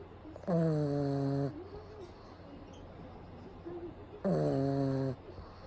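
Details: Pug sleeping during a daytime nap with eyes rolled back showing the whites, recorded close up; two loud, buzzy, tonal snores on inspiration about four seconds apart, quiet breathing between.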